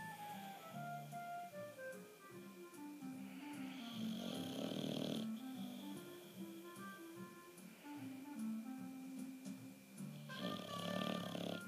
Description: Old English Bulldog Moos is dreaming and snoring like crazy, but French Bulldog Vito is winning the snoring-competition